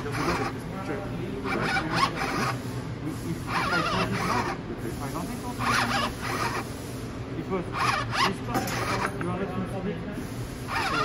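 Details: DIY COVID-19 emergency ventilator prototype, still without tidal flow or absolute pressure control, cycling: rhythmic mechanical whooshing bursts about every two seconds over a steady low hum.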